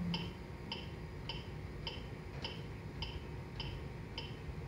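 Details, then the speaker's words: Steady electronic ticks at about 105 per minute over faint room hum from a Lifepak AED's CPR metronome pacing chest compressions (30 compressions to 2 rescue breaths) during a training lecture. "yeah this beat is the chest compaction break if you learn how to do the cpr"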